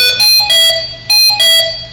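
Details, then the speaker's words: Repeating high-pitched two-tone ventilator disconnection alarm from the patient side in a simulated trauma scenario. The intubated patient with a lung injury is on lung-protective mode. "We got him in protective mode. It's going to alarm. It's got a disconnection on the patient side."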